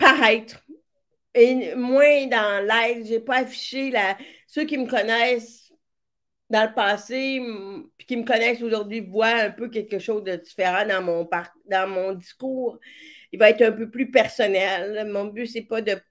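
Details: Speech of a woman with severe-to-profound deafness who hears with a hearing aid in her right ear and now also a cochlear implant, and who trained her voice on her own; deaf speech.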